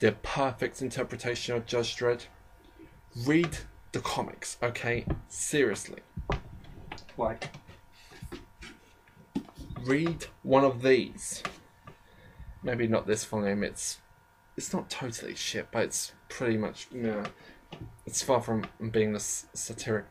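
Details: Adult with a self-described slight stammering problem, shown as frequent stammers and pauses; stuttering.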